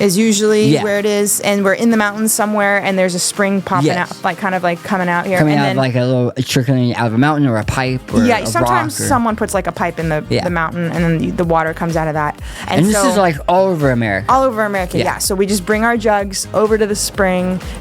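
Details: Adult woman speaking in conversation with another adult, music in background; typical speech.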